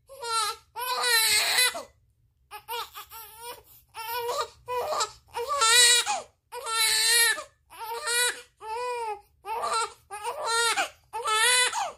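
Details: 30-day-old baby crying hard for milk while it is being heated: loud, sustained, rhythmic wails with short breaths between; a hungry newborn's cry.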